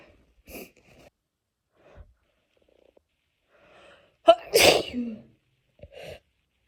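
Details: A girl's sneeze: quiet breathy build-up and a catching inhale, then one loud, wet, explosive sneeze; sneezing.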